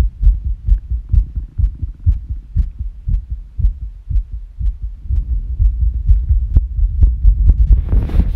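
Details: Simulated fast irregular heartbeat sound effect depicting sickness: rapid beat near 130 a minute with unevenly spaced low thumps.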